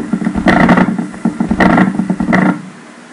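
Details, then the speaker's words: Needle EMG: rumbling, sputtering grouped bursts of repetitive crackling like a distant engine; long-duration myokymic discharge. "The second wave in the clip, is very similar to a ployphasic MUAP. Although the source are the same but the main difference is that this wave is spontaneous not voluntary"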